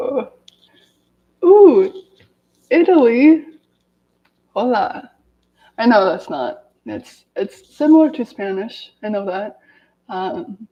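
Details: Adult woman with lifelong daily stuttering reading aloud from a self-therapy book to demonstrate her stutter; stuttering.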